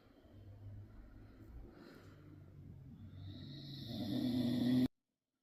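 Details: Adult man (a father) snoring.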